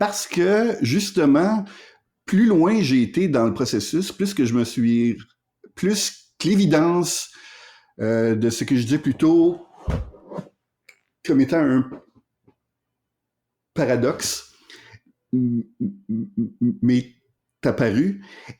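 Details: Adult man who stutters and has explored various stuttering therapies, speaking with pauses mid-sentence; stuttering.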